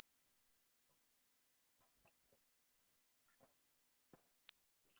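A steady, very high-pitched pure tone lasts about four and a half seconds, then stops abruptly: an 8000 Hz test tone for checking high-frequency hearing.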